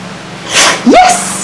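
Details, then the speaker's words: Pompeii, a Boxer dog, sneezing: a quick breathy intake followed by a loud burst ending in a rising voiced sound, against a faint background hum. "pompeii pompeii make you sneeze can you sneeze"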